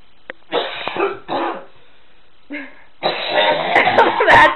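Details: Man coughing hard after winning a drinking contest (gags on Dr Pepper): several harsh, forceful coughs, then a longer run of rough coughing and gagging in a small room.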